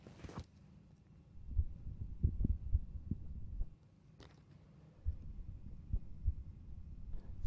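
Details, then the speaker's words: Carotid auscultation for bruits during a demonstration cardiovascular examination, with the patient holding their breath; no bruit heard, so normal carotid auscultation. "it's important to listen for crossed brewes and this can done turn in the left and then the right by asking the patient to hold their breath"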